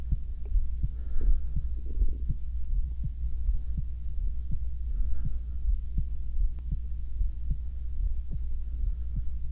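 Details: Male ASMR heartbeat for co-sleeping, recorded binaurally while lying down: soft, regular low thumps about 80 beats a minute over a steady hum; normal heartbeat.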